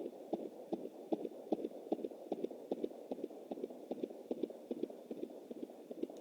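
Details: Fetal heartbeat at 20 weeks + 7 days on a Jumper home Doppler through an anterior placenta: fast, regular galloping whoosh-thumps at about 150 a minute, within the normal range and unlike the mother's pulse.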